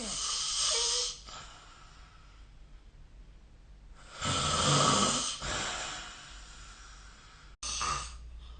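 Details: Sleep snoring recorded with the SnoreLab phone app: loud, rough, noisy snores about every four seconds, roughly 15 a minute, with quieter breathing between them.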